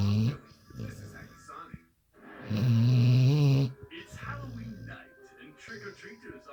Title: When your dog snoring louder that your husband.